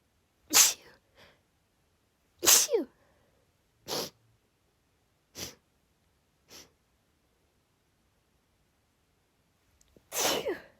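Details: Female sneezing fit triggered by cold air, with sniffles: six sharp, explosive sneezes at irregular intervals, some softer, with quiet pauses between.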